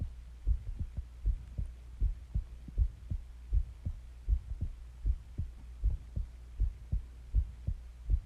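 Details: Normal heartbeat: steady, regular, low thumps at about 79 beats a minute over a soft background hum, recorded alongside breathing sounds, with occasional stomach growling during the recording.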